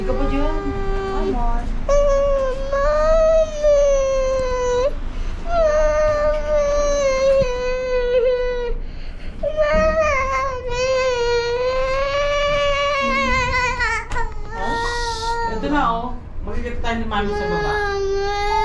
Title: CRYING BABY